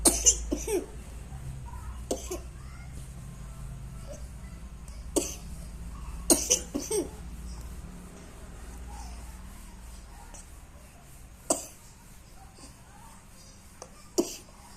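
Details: Young child coughing: several short, sharp coughs scattered irregularly over a steady background hum.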